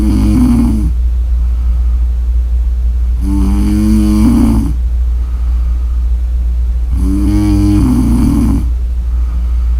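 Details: Three loud, rumbling, buzzy snores about four seconds apart over a steady low background hum; ordinary snoring, roughly 15 breaths a minute.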